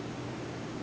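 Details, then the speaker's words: Brief, steady rushing hiss of suction as a sterile catheter passes through the nose into the trachea, in nasotracheal suctioning without an endotracheal tube, demonstrated on a training mannequin. "I suction all the way back okay so I'm so you're going to suction a few times keeping always this hand sterile until you're"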